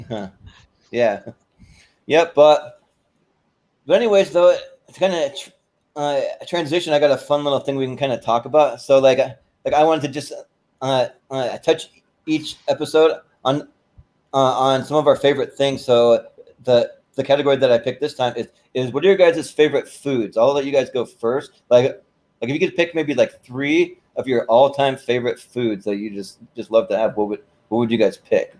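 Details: Male podcast host with a stutter present since birth that he says is heard intermittently and occurs when he talks fast; stuttering.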